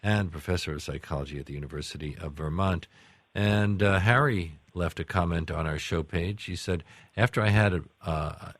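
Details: Adult male radio host; typical speech.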